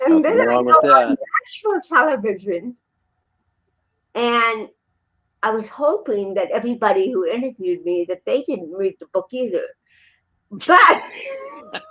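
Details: Dysarthria in a woman with cerebral palsy present since birth in 1956; real, not acted, conversational speech.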